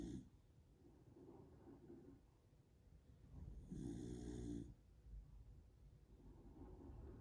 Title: Snoring dogs